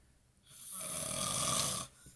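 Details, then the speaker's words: A single loud, rough, rattling snore on an in-breath lasting over a second, then quiet, from a sleeping man in a recovering addicts' house, sleep apnea mentioned; someone repeatedly calls his name. "you're you're snoring"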